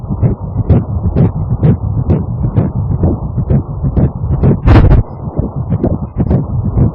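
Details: Fetal heartbeat at 6 weeks 2 days of pregnancy, first pregnancy, embryo 4 mm beside the yolk sac on ultrasound: rapid, steady whooshing pulses at about 128 a minute.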